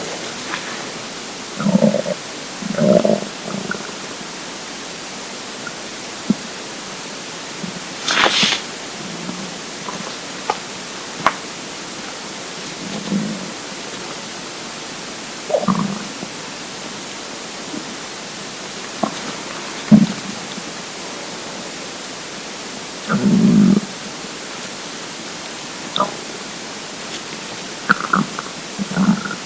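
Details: Intermittent low gurgles and rumbles from a hungry, empty stomach against a steady hiss: ordinary hunger bowel sounds (borborygmi).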